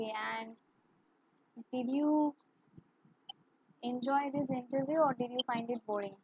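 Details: Woman who has stammered since childhood, worse in English and with high-authority persons, speaking English in an interview; stuttering.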